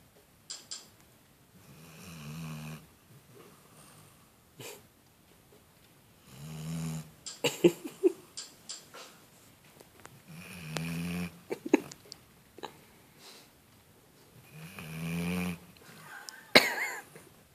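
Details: Black labrador dog asleep: loud, rattling snores about every four seconds, roughly 14 a minute, with softer snuffling between; snoring.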